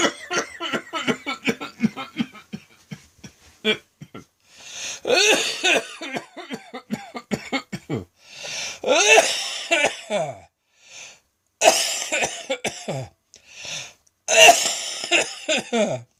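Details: Midday coughing fit recorded on a phone after a felt throat tickle, leaving the person light-headed: rapid runs of harsh coughs broken by noisy, strained in-breaths.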